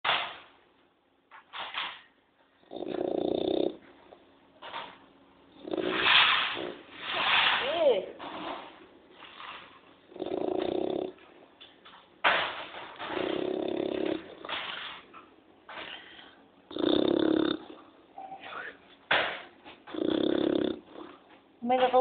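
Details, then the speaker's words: A sleeping child, snoring loudly with irregular rough, rattling breathing noises and some background sounds. "Ang lakas naman ng agagok ng anak ko ba."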